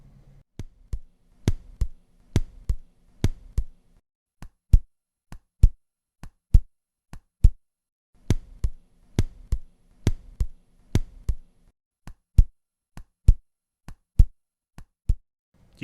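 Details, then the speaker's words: Simulated heart sounds at the apex, about 67 a minute, first sound diminished and softer than the second; diminished first heart sound (S1) at the apex. "Итак ослабление первого тона на верхушке напоминаю на верхушке первый тон громче чем второй а при ослаблении он становится тише чем второй"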